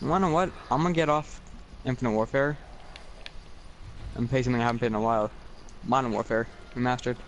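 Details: Male speaker with a speech sound disorder after abnormal ears at birth and deafness for about his first three years, so he learned to speak incorrectly; a friend calls it a little speech impediment; finding: speech sound disorder after early childhood hearing loss.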